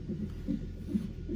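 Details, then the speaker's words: Fetal heartbeat on Doppler at 32 weeks 2 days in a mother evaluated at hospital for suspected preeclampsia with headache; fast, soft whooshing pulses, about 140 per minute; baby boy reported doing great. "But you can hear his heartbeat. Yep. They said he's doing great."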